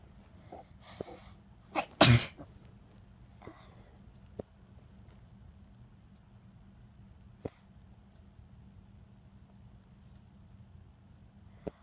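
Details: Person sneezing in bed: a quick intake of breath, then one loud, explosive sneeze, followed by a quiet room with a few faint clicks.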